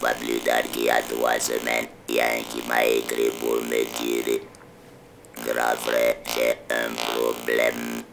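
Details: Electrolarynx speech in an adult man whose larynx was removed for cancer, with malignant lymph nodes also removed after a PET scan; he has used an electrolarynx since then.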